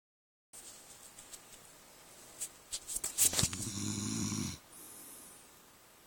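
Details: Sleeping brother snoring: a few snorting breaths build into one long, rough, rattling snore over steady room noise; snoring.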